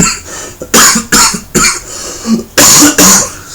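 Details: Five loud, harsh coughs in a short run in a small room, from an adult with a chest infection who has been off work for a few days and has had coughing fits.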